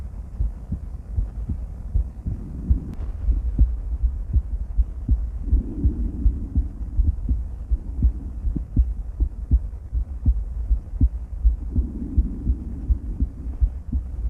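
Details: Female heart auscultated with various stethoscopes through a microphone, moving from Erb's point to mitral, tricuspid, aortic and pulmonic areas: steady lub-dub about 80 a minute with some handling rumble; normal heart sounds.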